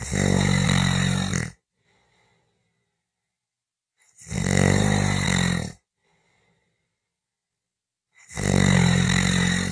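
Loud, rumbling snores about every four seconds, roughly 14 a minute, with silent gaps between them: snoring.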